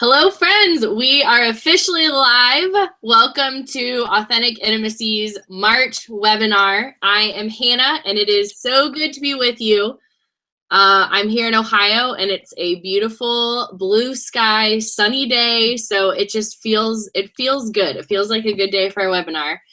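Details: Adult woman; typical speech.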